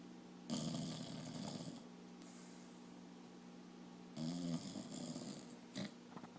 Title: Bizzy (The Dog) Snoring